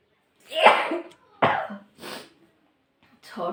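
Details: A few sharp, explosive bursts of air in quick succession, like sneezes or forceful nose blowing.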